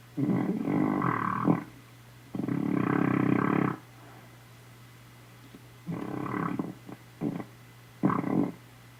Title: Snoring